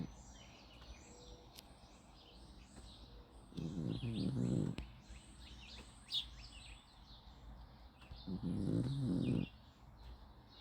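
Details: A pug snores: two low, rumbling snores about five seconds apart beneath video game music and sound effects.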